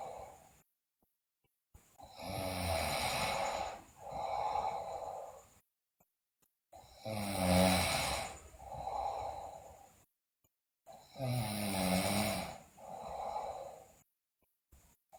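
Loud rattling snores on each inward breath, followed by a softer outward breath, about 14 breaths a minute, with quiet gaps between.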